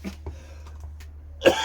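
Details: Adult man with a cold or flu, with a sore throat, stuffed nose and aches, coughing a lot: a few faint throat sounds, then one loud, harsh cough.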